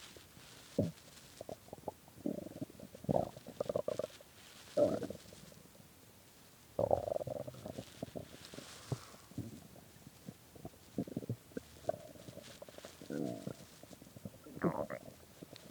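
Irregular low gurgles, rumbles and squeaks coming in bursts; ordinary stomach growling from hunger.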